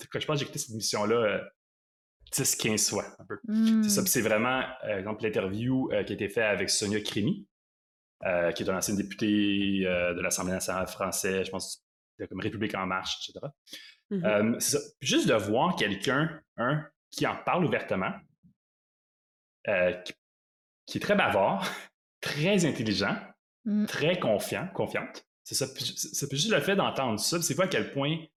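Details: Adult man who lives with stuttering and calls himself a "chatty stutterer"; stuttering.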